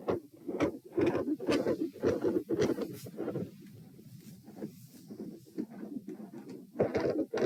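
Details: Heart sounds recorded at position p while standing: rapid beats with a machinery-like PDA-like murmur filling the gaps, loud at first, fading midway, then returning; phasic S2; ASD/PFO pattern not apparent, possibly L-R pressure.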